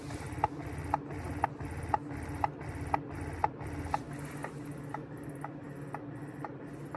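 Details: Medela electric breast pump, newly unboxed and hooked up, running: steady motor hum with regular rhythmic suction clicks about 120 a minute; two modes mentioned, suction tested on an arm.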